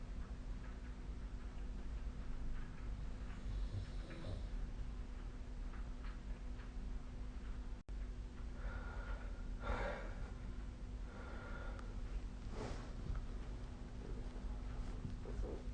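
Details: Faint snorting breath sounds from a sleeping adult over a steady low room hum: snoring.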